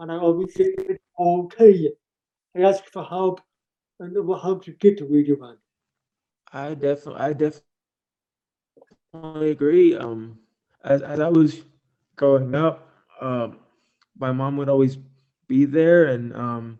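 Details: Deaf speech of an adult man born three months premature in 1976, with congenital hearing loss not found until age two and a half. Taught to listen and speak orally, with unintelligible speech as a child. Also has ADHD.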